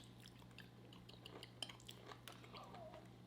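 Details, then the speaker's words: Adult's stomach growling during a meal, which the adult attributes to hunger: near the end, a faint, gliding gurgle-squeal over dish and cutlery clatter and steady room hum; borborygmi. "My stomach ain't happy, y'all. It's a little late. What? I thought that was happy sounds. Your stomach's having a party. Are those hunger sounds?"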